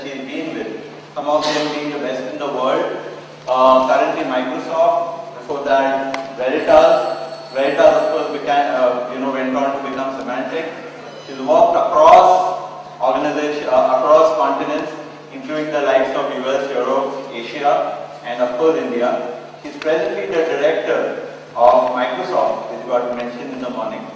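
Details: Adult man speaking into a microphone; ordinary speech.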